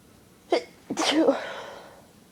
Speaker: It's there and I can feel it, it just won't come out.